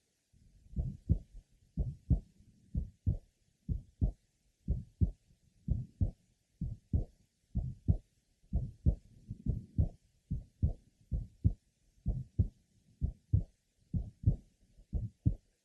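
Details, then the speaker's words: Steady heartbeat about 65/min with a soft innocent systolic murmur and no ejection sound, a contrast to the bicuspid aortic valve murmur. "one could rightly say that this systolic merma that we have just heard is like the innocent merma this is true except for one finding has no ejection sound with the innocent merma"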